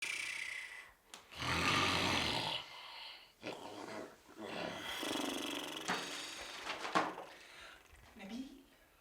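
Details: Exaggerated acted snoring in a TV comedy scene: loud, rasping, snorting breaths in repeated bursts indoors, keeping another person from concentrating on studying; snoring.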